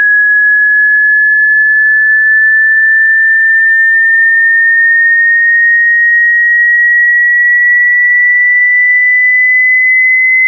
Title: HEARING TEST ONLINE [With frequency synchronization]